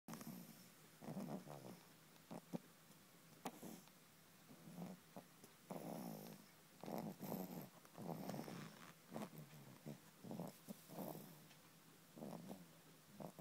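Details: Light snoring on exactly the fourth month (dated 23 May 2011): soft, uneven snuffling breath noises about once every second, with faint room noise.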